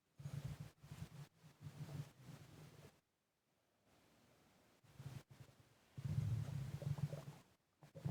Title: Heavy breathing and stomach gurgling